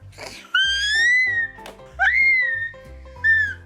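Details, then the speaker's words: Infant's three short, piercing, dolphin-like squeals; such shrieks in babies usually signal excitement or delight rather than pain, a normal pre-speech vocalization; infant high-pitched squeal. "만약 아이가 갑자기 돌고래 소리 같은 비명 소리를 깍 하고 지른다."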